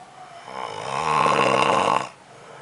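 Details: Snoring in a man who denies that he snores: a single loud, buzzing, vibrating snore that builds and stops abruptly.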